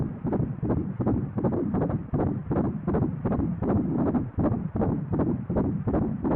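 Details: Fetal heartbeat on Doppler at 11 weeks 6 days of pregnancy, female fetus by 12-week angle method: fast, regular whooshing beats about 160 a minute, a galloping hoofbeat-like rhythm.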